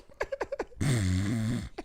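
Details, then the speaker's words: An adult imitates a dog's reverse sneeze: a few quick sniffs, then a long, rattling, snorting honk; imitation of reverse sneezing. "That's a reverse sneeze."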